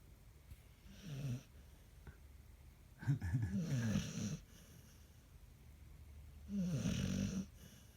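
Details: Ruby, a dog, sound asleep and snoring loudly: three loud, rough, fluttering snores about every three seconds, roughly 20 breaths a minute.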